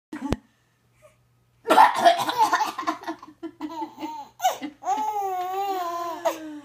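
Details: A mother coughs briefly while her infant breaks into bursts of giggling and a high, drawn-out squeal, amused by the coughs.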